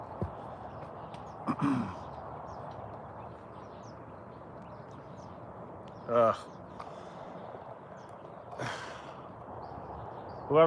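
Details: 15-year-old rope horse during an equine chiropractic session, responsive to pressure points: several brief, breathy nasal blowing bursts with quiet stretches of low room noise between, snorting.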